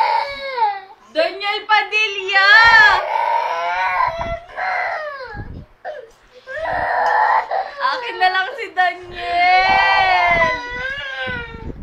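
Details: Baby crying after a phone playing a Daniel Padilla video was taken away: loud wailing cry with sobbing catches, rising and falling pitch, and short breaths between bursts; vigorous upset infant crying.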